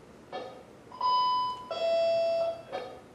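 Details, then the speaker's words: Charmcare desktop pulse oximeter with its SpO2 upper alarm limit lowered from 100 to 95, triggering a visual and audible alarm: a two-tone electronic alarm, a higher tone then a lower, longer one. "let's make it for example yeah it's a 95 you can see the yellow part appears it's a visual alarm and sound along together"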